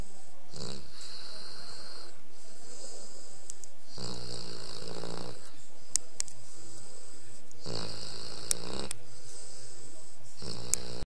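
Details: A Saint Bernard fell asleep right after getting home from a tiring few hours meeting people: deep, rumbling snores every few seconds, alternating with whistly, hissing breaths; snoring.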